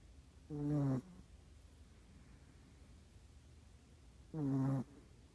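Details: Snoring: two loud, droning snores about four seconds apart, with quiet room noise between them.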